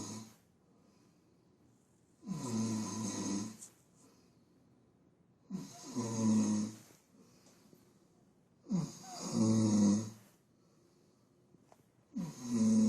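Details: Snoring in a sleeping, heavily drunk adult man, recorded on an Android phone: deep, loud rattling snores on each inhalation, about 19 breaths a minute, with quiet pauses between.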